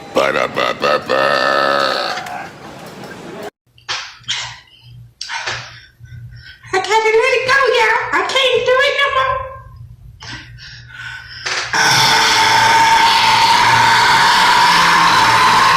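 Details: Several loud, drawn-out voiced belches in a row, separated by pauses and talk, in a clip ranking the top five burps; the burper complains their tummy hurts; ordinary burping.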